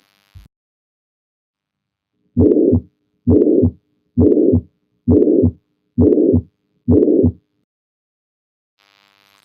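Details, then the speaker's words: Mitral regurgitation: six regular heartbeats near 67 a minute, each with a blowing pansystolic murmur from right after S1 through to S2. "so with a pansystolic murmur like mitral regurgitation it starts right after s1 and continues through to s2"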